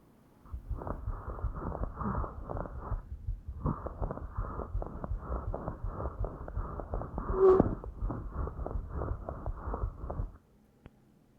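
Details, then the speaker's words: Harsh, hollow blowing breath sounds, likened to breathless rapid breathing, from air passing through condensed (consolidated) lung; bronchial (tubular) breathing, a tubular murmur, played in a lecture. "pasa a través de una estructura que está condensada y suena así como no como un como si fuera un soplo"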